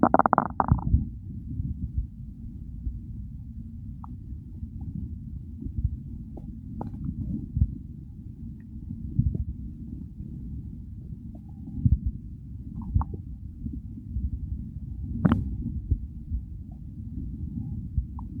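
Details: Real hunger-phase stomach growls: low continuous gurgling and rumbling with occasional louder gurgles and squeaks; normal hunger borborygmi.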